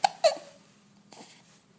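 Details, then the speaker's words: A boy has hiccups while his mother talks to him: two abrupt, sharp voiced gulps a fraction of a second apart, then a softer catch. "see I goop I do goo goo goo hiccups again hiccups again hey tops again what"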